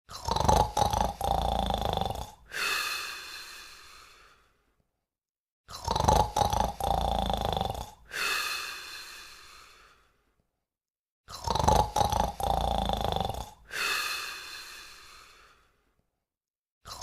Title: Beethoven & Buddy (Air Bud) Sleeping & Snoring